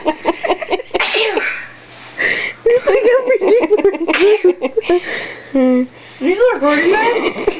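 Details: Several sharp, explosive sneezes in a fit among talk and laughter in a small room: a sneezing fit, possibly set off by the foot; sneezing.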